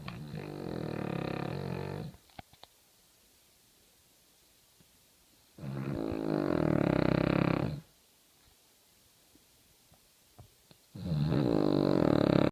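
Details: Sleeping small King Charles Spaniel: loud rattling snores about two seconds each separated by roughly three-second pauses; snoring.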